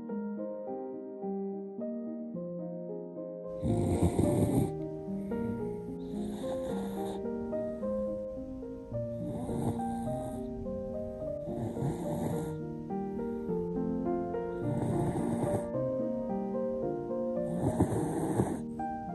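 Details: Poodle snoring in deep sleep: loud, rasping, rhythmic snores about every three seconds, roughly 22 a minute, under background music.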